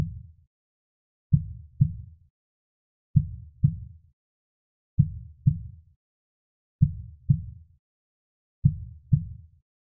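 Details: Studio-recorded slow heartbeat sound effect: slow, steady lub-dub thumps at about 33 beats a minute.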